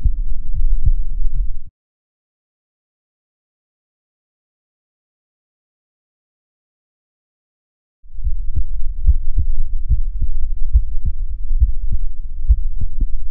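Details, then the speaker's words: Own heartbeat recorded with a DIY electronic stethoscope (stethoscope head fitted with a lavalier condenser microphone): low, regular thumps over steady rumble with a silent gap; normal S1 and S2. "Our electronic stethoscope is now ready for recording my heartbeats."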